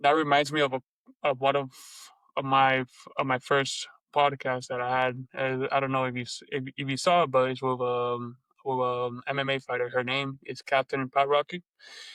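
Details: Stuttering in an adult Lebanese woman who reports blocks and repetitions in her speech.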